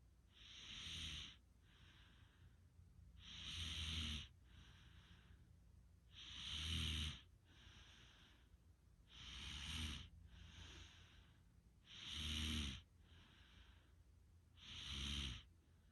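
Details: Regular snoring: low rattling snore on each inhalation with softer exhalation, about 21 breaths a minute.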